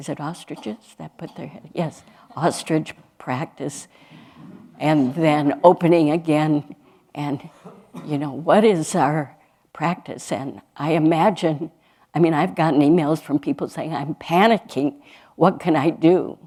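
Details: Adult woman speaking; normal speech.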